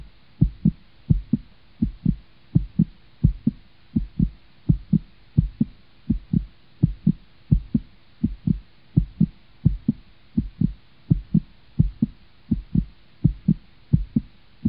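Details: Steady, regular heartbeat thumps, deep and muffled as through a stethoscope, with a faint low hum; fictional character heartbeat audio, not a real patient.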